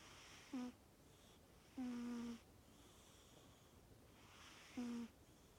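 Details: Sleeping animal, a flamingo by one account and a cat by another, snoring loudly: three short, high, whistling snores with faint breath noise between.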